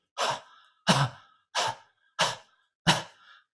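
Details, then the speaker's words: Demonstration of a controlled cough for airway clearance: five soft, evenly spaced open-glottis coughs, gentle rather than hacking, used to bring up phlegm, e.g. in bronchiectasis; controlled cough (open-glottis cough). "Control cough is actually a gentle cough with open glottis. So it should sound like this."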